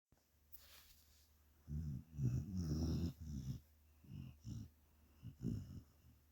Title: Sadie snores can rival that of grown men